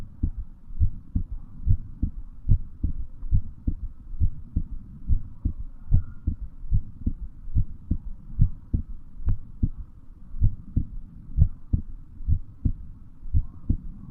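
Steady low thumping heartbeat at about 72 beats a minute, with a faint hum underneath.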